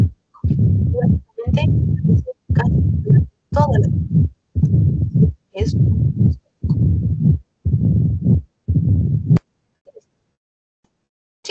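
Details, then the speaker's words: Mitral stenosis murmur, loud low rumbling heart sounds about 60 a minute with a long low murmur each cycle, as the atrium pushes harder to fill the ventricle; from a valvular disease lecture. "efectiva, va la aurícula va a ejercer mayor fuerza, mayor presión para tratar de inyectarlo hacia el ventrículo y eso también va a generar el soplo. A continuación lo vamos a escuchar."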